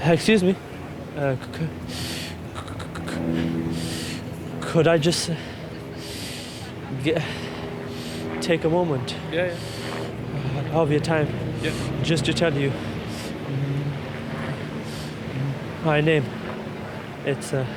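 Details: Adult man; stuttering.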